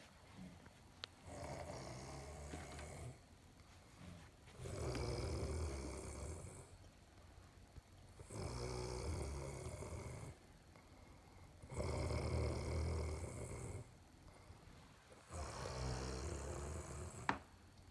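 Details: Loud, low, rattling snores on each in-breath, likened to a bike slowing down, about four in 18 seconds with quiet gaps between, in a small room: snoring.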